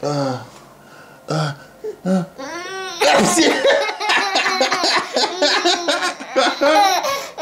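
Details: Father sneezing in the middle of the night: a few short, abrupt voiced adult male sneezes, followed by several seconds of hearty laughter from others.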